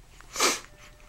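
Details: One short, sharp sneeze lasting under a second, with a faint sniff before it, from a baby boy who often gets hiccups.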